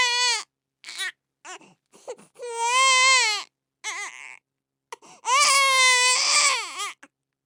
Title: Sound of Crying Baby